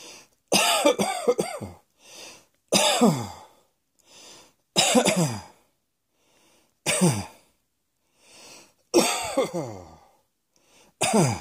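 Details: Coughing: about six harsh cough bursts, some in quick doubles, roughly every two seconds with quiet breaths in between.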